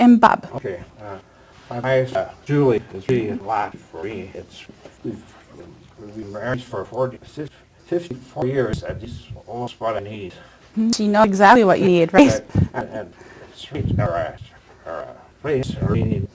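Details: Man aged 76 at his stroke, a former dentist, with post-stroke aphasia, attending an aphasia conversation group for support and communication practice; real patient speech showing aphasia.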